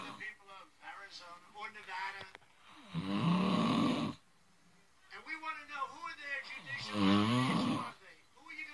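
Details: Ordinary sleep snoring from a person filmed asleep by a friend: loud, rough inhaled snores alternating with quieter breaths.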